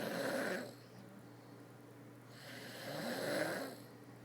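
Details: Adult snoring in a quiet room: two rough, rattling breaths, each a low vibrating snore separated by a soft pause; ordinary snoring.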